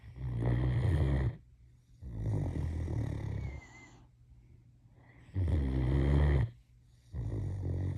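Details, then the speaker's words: Four loud, low rumbling snores, about one every two seconds with quieter exhalations between, from a female Great Dane asleep; ordinary dog snoring, said to be soothing enough to help people sleep. "This should be one of the sounds that people use to help them get to sleep."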